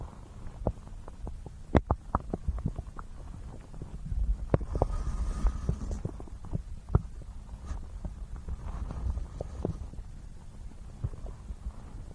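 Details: Real human stomach growling recorded for ASMR, mixed with binaural ear-massage sounds: low rumbling with scattered gurgles and pops over steady low background noise; bowel sounds (borborygmi).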